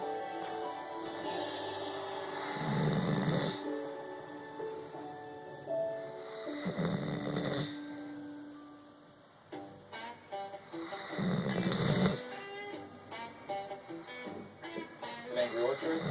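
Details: Three rough, low snoring sounds spaced several seconds apart, partly masked by background music; snoring.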